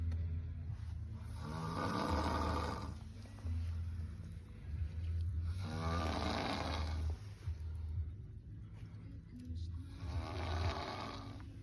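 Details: Man snoring: loud, rattling snores on each in-breath, about three in twelve seconds, over a low steady hum; heavy snoring.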